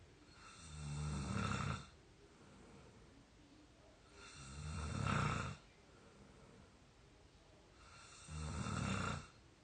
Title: real exhausted snoring 22 year old audio 3